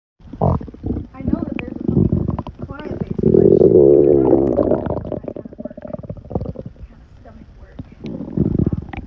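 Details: Woman's stomach digesting a burger: loud gurgling and growling rumbles with a long tonal growl midway; ordinary borborygmi.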